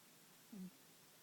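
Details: Sleeping cat snoring: a single brief, low, buzzing breath sound rises out of quiet room noise, the cat breathing loudly.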